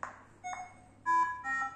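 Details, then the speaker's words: Short series of electronic tones with faint room hum: a defibrillator being switched on during a demonstration. This is the first step before pressing sync for synchronized cardioversion, with adult energy starting at 50 then 70. "अगर नहीं आ रहा normal तो procedure कैसे follow करेंगे? पहले तो डिफिब on करना है,"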